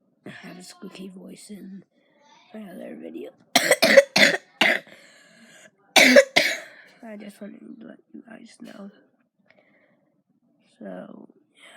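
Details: A person with a bad cough that has made their voice squeaky speaks briefly, then gives two runs of harsh, forceful coughs, about six in all, with talking between, in a small room: repeated cough.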